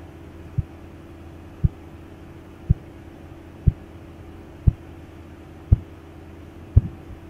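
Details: Blood pressure measurement by auscultation: faint, clear, regular tapping about 57 a minute over a low hum; phase I Korotkoff sounds marking systolic pressure.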